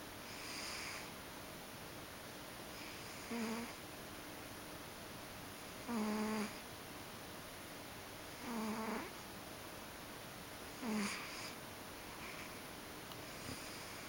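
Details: Ragdoll cat snoring while sleeping: soft, short nasal snores about every two to three seconds over a steady hiss.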